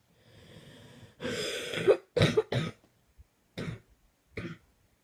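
A strained, drawn-out cough followed by a run of about five separate harsh coughs, a coughing fit.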